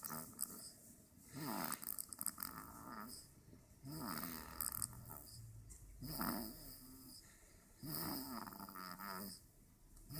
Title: Snoring peacefully